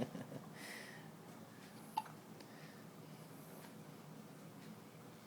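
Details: Newborn boy in hospital, congested and coughing up mucus, gives sudden sharp little hiccups with one or two fainter catches in a quiet room; he also hiccupped often before birth.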